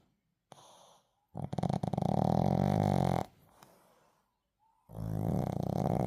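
Small dog snoring with loud, buzzing, rattling inhaled snores and softer breaths between, about three snoring breaths.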